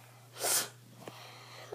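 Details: Sneeze from a child home sick from school with a runny nose, headache and tummy ache: a single short, sharp sneeze burst in a quiet room, with a faint sniff afterward.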